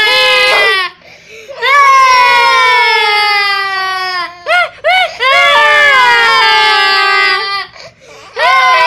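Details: Infant crying when the people around him cry: loud, high, sustained wailing with short breaths and brief whimpers in between.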